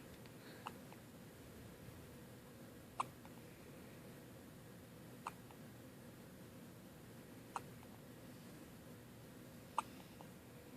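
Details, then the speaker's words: Newborn baby on his first morning home with hiccups: soft, sharp catch sounds about every two seconds, five in eleven seconds, against room hiss. "Hey. All right. You got the hiccups? Ooh."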